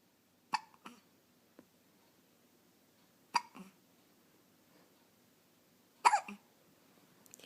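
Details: A 2½-week-old infant with hiccups, being patted for about 10 minutes: about five soft, sharp hiccups in a quiet room, some paired, at irregular intervals of a few seconds.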